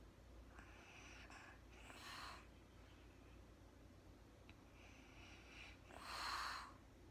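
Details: Real-time recording of a woman snoring lightly during sleep, with soft snorting nasal breaths about every four seconds in a quiet room; no talking.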